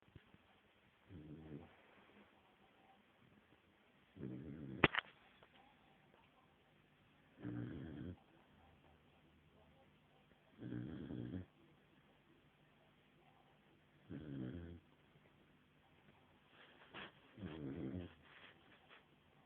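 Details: 5-month-old sleeping, snoring: six regular rumbling snores about every 3 seconds, roughly 18 breaths a minute, with quiet gaps between; steady sleep snoring.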